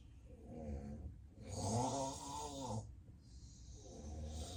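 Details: Real, unplanned daytime nap with sleep apnea: deep, loud, rattling snores with quiet apnea pauses between breaths, heavy breathing and belly movements.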